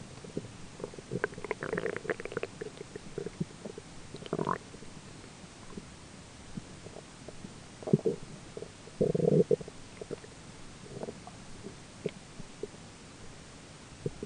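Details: Adult's own belly grumbling during digestion: irregular gurgles and low rumbling bursts, roommate talking in the background; ordinary digestive bowel sounds.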